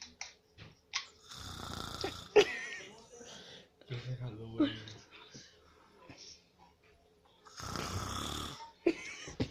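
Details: Cousin snoring during sleep: rough, rattling breaths drawn in with quiet gaps between them.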